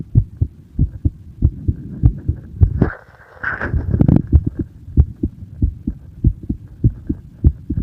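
Steady low heartbeat thumps at roughly 95 a minute, with a short rustling noise in the middle.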